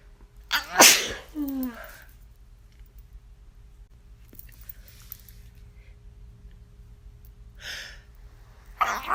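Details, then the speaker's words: Sneezing the person meant to stifle and suspects is from allergy: a loud, explosive sneeze, then a short vocal trailing sound, with further sneeze bursts later. "I meant to stifle that. I forgot. I'm sorry. I'm horrible."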